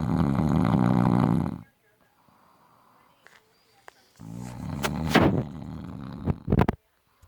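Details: Adult man snoring very loudly in his sleep, said to snore in every position (back, side, stomach) day and night: a loud, harsh rattling snore, a quiet gap, then another rough snort.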